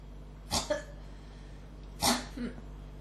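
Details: Persistent cough that won't stop, with irritation in the throat, as if something is about to come up: two short, sharp, explosive dry coughs about a second and a half apart.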